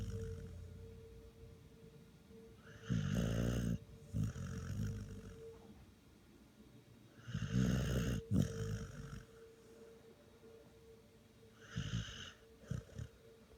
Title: Snoring wegs